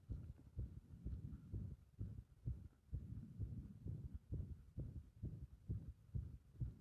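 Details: Heart sounds with rhythm disrupted by compression: rapid, muffled beats around 130 a minute with uneven spacing; irregular heart rhythm.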